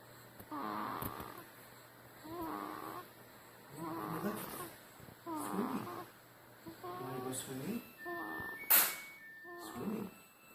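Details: A sleeping baby snoring: regular, rough breaths about every 1.5 seconds with faint beeping in the background; snoring.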